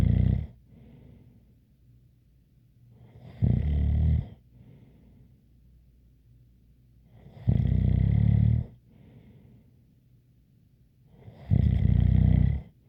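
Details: ASMR snoring recording: loud, rough snores about every four seconds, roughly 15 a minute, with a faint light whistle and quiet breathing between them.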